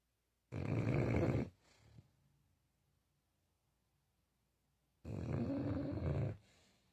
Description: Dog Snore Vibes: Loud Enough to Wake the Whole House! #fok #sleepingdog #wideawake #imtired